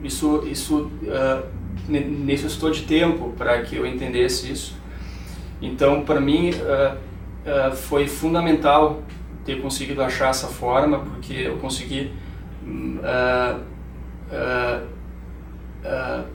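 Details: 31-year-old male who has stuttered all his life, with father and grandfather who also stutter; stuttered more in medical school, less now; stuttering.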